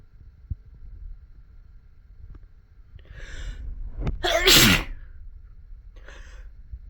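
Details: Induced sneeze: a brief intake of breath, then one loud sharp sneeze with a faint follow-on breath; an ordinary sneeze from a compilation of restrained, into-tissue and normal sneezes.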